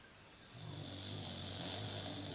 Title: British bulldog snoring